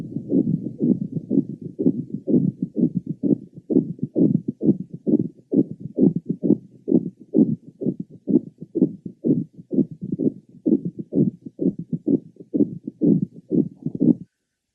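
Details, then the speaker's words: Patient with acute myocardial infarction, heard at the lower left sternal border; rapid, scratchy, leathery sounds with each heartbeat: a three-component pericardial friction rub, typically louder with inspiration. "let's listen to a patient with a three PR component friction rub it typically increases in intensity coincident with inspiration this patient has an acute myocardial infection"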